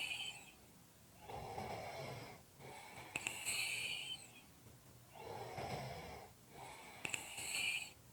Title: Snoring / heaving breathing Audio Clip